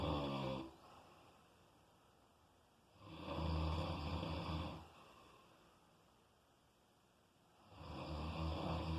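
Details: Heavy snoring during sleep: loud, rumbling snores on the breath in, about 14 a minute, with quiet pauses between them.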